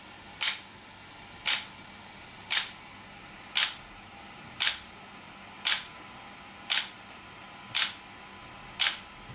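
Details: ESWT shock wave therapy device for muscle and bone pain relief, used on a patient's joint: sharp, regular snapping clicks at about 57 a minute.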